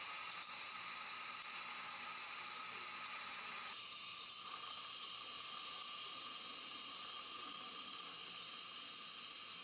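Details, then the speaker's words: Apicoectomy on a maxillary bicuspid in a female patient with pain in the tooth: steady high hiss and whine of a dental handpiece with water spray, a barrel or flame-shaped diamond cutting off about 3 mm of the root tip at an angle. "so I'm going to cut off probably three millimeters of the root just to be sure so you can see it right here I'm going to and you want to cut through the root I'm going to normally use either a barrel diamond or a flame shaped"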